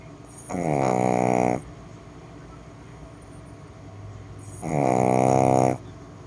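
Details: Snoring: a pug with two loud, harsh, buzzing breaths about four seconds apart and quieter breathing between.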